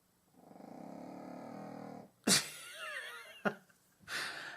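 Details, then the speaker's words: Puppy snoring while snuggled asleep in her bed in a craft room, a habitual loud snorer: a rumbling, fluttering snore of about two seconds, then a sharp snort and soft squeaks. "She's the noisiest snorer in the world, and she's all snuggled up in her bed in my craft room. I've tried to stop her snoring and she just won't, so I'm just going to have to go with it."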